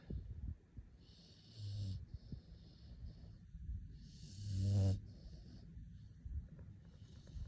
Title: Snoring Pitbull (5 months old)